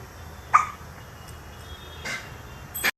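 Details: A baby with hiccups: brief, sharp little catches, two or three in three seconds; infant hiccups.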